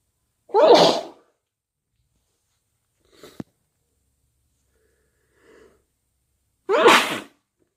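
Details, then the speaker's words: Person with a cold: two forceful sneezes with a sharp intake of breath between them. "Bless me. And sneeze. And I need to sneeze."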